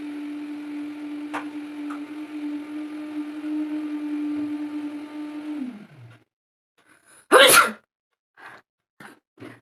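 A steady hum fades, then one loud explosive sneeze follows a short pause, with small breathy sounds after it. Ordinary sneeze.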